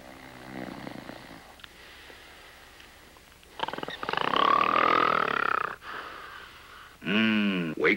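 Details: Simulated, comic snoring by an adult man, acted as a joke on a cough syrup commercial set: loud, exaggerated rattling snores with snorting bursts and a whistling tone: snoring.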